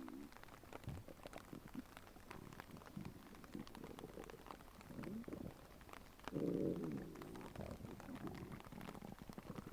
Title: Realistic stomach growling sound effect